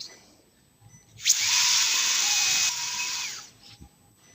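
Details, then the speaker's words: Rotational atherectomy burr at about 155,000 RPM, 20-second run, IVUS-guided PCI of LAD-D1 bifurcation in a 47-year-old on hemodialysis: steady high-pitched whine about two seconds, then winding down. "Okay, we are ready to start, more so for the second lesion. It's also, as you see, 20-second limited burr, span of 20 seconds."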